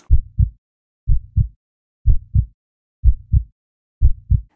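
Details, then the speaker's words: Regular lub-dub heartbeat at about 61 beats a minute with clear first and second heart sounds, as heard at the apex where the apical pulse is assessed; normal heart sounds. "that is that love dub love dub that you hear within your heart"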